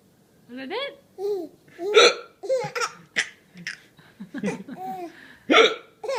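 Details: Father's hiccups, short sharp repeated catches in the breath, mixed with the laughter and babbling of his 4-month-old baby girl; hiccups.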